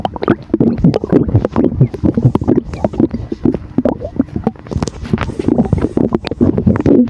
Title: Rumbling sound of air in the stomach after drinking Sour